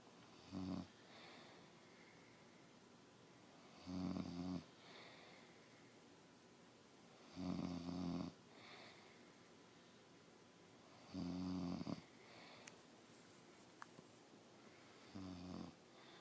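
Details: Adult man snoring while asleep: steady rumbling snores on each breath in, about 16 a minute, with quiet breaths out between, against a low room hiss.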